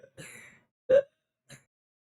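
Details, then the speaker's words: Harsh, high-pitched noisy breathing in a child on both inspiration and expiration: biphasic stridor, which usually points to subglottic pathology, played as a paediatrics teaching example. "It is present both during inspiration and expiration. Whenever you could hear sounds noisy breathing both during inspiration and expiration it is called as what? Bifasics trader."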